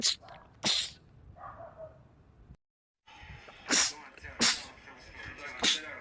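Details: Male, from a compilation of rapid sneezing attacks in men: five sharp, explosive sneezes in quick bursts with a brief silent gap; rapid sneezing attack.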